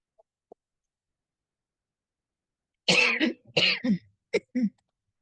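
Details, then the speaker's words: Adult lecturer with a poor voice who coughs a lot when talking: after a few seconds of quiet, a short run of several harsh coughs in quick succession. "So when I talk, I get cough a lot. So you'll hear me coughing today."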